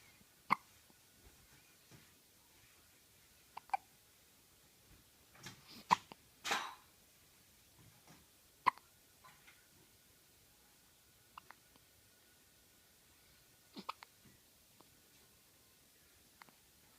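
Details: Hiccups.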